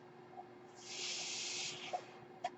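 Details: A single soft airy hiss lasting about a second, then two faint clicks, over a steady low hum, from the speaker's own ventilator: home mechanical ventilator breath cycle.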